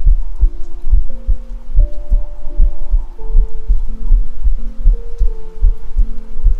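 Steady low heartbeat thumps at about 78 a minute, under soft humming tones; an ordinary heartbeat.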